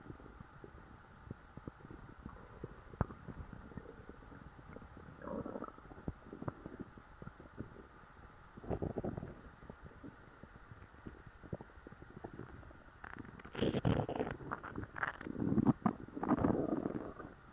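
Intermittent low gurgling and rumbling bowel sounds in bursts over a faint steady hum; ordinary stomach growling after a full meal.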